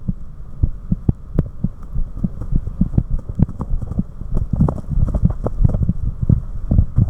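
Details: Recorder's own heart at rest: low, muffled heartbeat thumps, with the rate dropping sharply when a carotid sinus reflex is triggered; normal heart sounds with reflex slowing.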